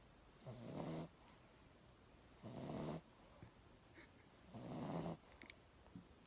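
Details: Sleeping pet snoring: three rough, rumbling snores about two seconds apart, roughly 30 a minute, with quiet pauses between.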